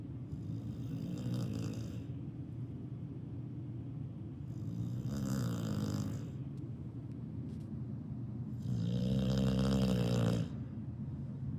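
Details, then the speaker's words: Three loud, rough, rumbling chainsaw-like snores about every four seconds from a sleeping two-year-old female dog, with a low, grinding quality; snoring. "Still can't believe it's been a little less than 2 years since I got this bundle of joy. She's made my life complete. And this little snore that she does when she's sleeping, that's just her."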